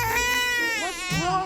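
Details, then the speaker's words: An infant's loud, sustained crying and screaming while being sung to; normal infant cry. "It's okay. Oh, mate. That is awesome crying."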